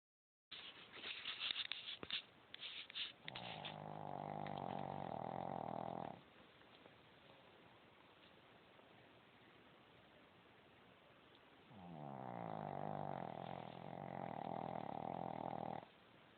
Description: Gizmo is worse than an old, plump man sleeping on his back. How can 1 little dog snore so loud??